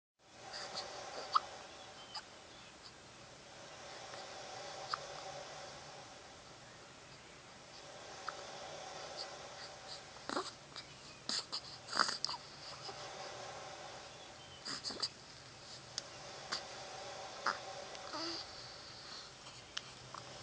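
Faint room noise broken by about a dozen short, sharp clicks at irregular intervals over twenty seconds, consistent with hiccups.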